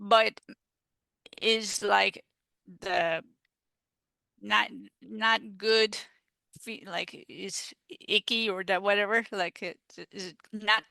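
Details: Female stroke survivor with aphasia after stroke, speaking in an interview; aphasia.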